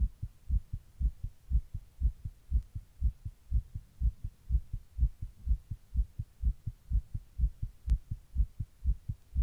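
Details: Own heart recorded while sitting in 100-degree heat during a heatwave: rapid, regular thumping heartbeat about 120 beats a minute; tachycardia.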